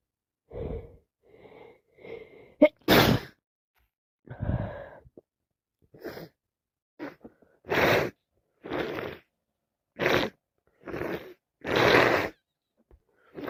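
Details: Person with yet another cold: sniffs and breathy build-ups followed by a run of about eight wet sneezes in quick succession, with sniffing and some coughing; sneeze.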